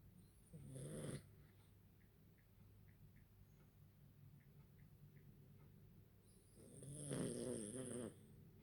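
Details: Sleeping pug: two slow, rattling snore breaths about six seconds apart, each a loud rough inhalation, over quiet room noise; ordinary snoring in a flat-faced dog.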